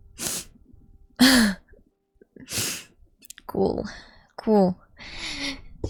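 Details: Several separate sneezes in a row from a sneeze compilation, some with a voiced 'ah-choo', separated by short pauses.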